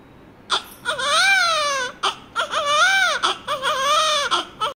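A newborn gives repeated high, clear cries with short catch-breaths between them, a normal vigorous first cry.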